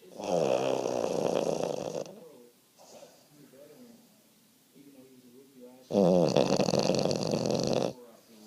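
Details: Late-night snoring: loud, harsh snores lasting about two seconds each, with softer breathing noises between; heavy snoring.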